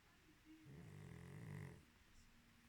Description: Just wanted to see if a video of a candle burning with my pug snoring in the background, got more views than any of my other videos!